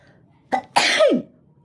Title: Pepper sneezing Philippines.